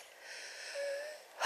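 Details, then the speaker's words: Breathy airflow with a thin whistling mid-breath tone from a hiker climbing a hill, who reports being very wheezy, with a history of strong chlorine exposure from pools; audible wheeze. "very very wheezy at the moment you might even pick up the odd wheeze and if i cough that's a good thing coughing is good it helps to remove the muck"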